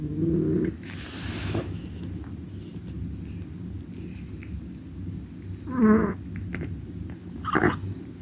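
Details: Loud snoring from Midnight, a sleeping cat filmed in a garden: continuous low rattling rumble, with a few brief squeaky calls and outdoor noise in the background.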